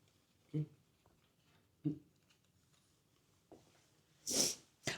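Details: Streamer says they are getting an allergy and are about to sneeze. Two soft in-breaths, then a sharp hissing sneeze burst and the start of another, in a quiet room.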